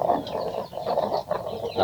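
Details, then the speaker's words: Mangon-breed chicken recovering from severe respiratory rattling, treated with garlic and a supplement for 2–3 days: short repeated snore-like rattling breaths, still present during healing. "ngorok lagi dalam penyembuhan anak Joker Om ini kemarin ayamnya ngorok Parah ini kok sekarang sembuh dalam 2 hari 3 hari"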